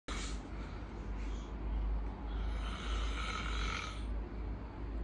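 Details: Adult snoring recorded during sleep at night, with breathing pauses of about 43 seconds described as apnea: continuous low, rough rumbling snore with steady low noise; snoring with sleep apnea.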